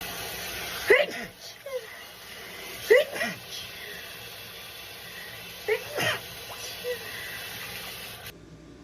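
Three short, sharp sneezes a few seconds apart over steady background hiss.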